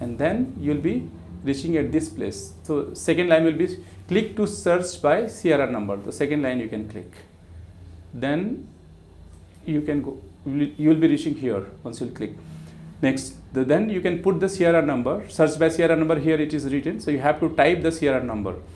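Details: Adult male speaker; Normal speech.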